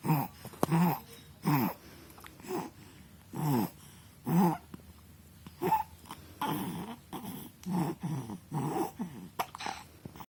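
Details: Snoring in a sleeping infant: soft, rhythmic snorting snores in a quiet room, roughly one every second.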